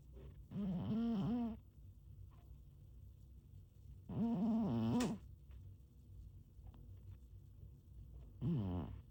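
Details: Sleeping cat: three drawn-out, wavering, buzzy snores at about 16 breaths a minute, with quiet gaps between them; snoring.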